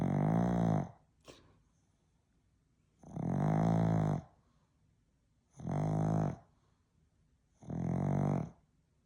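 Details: Female pug asleep, snoring: four loud, buzzing snores on the breath, a few seconds apart.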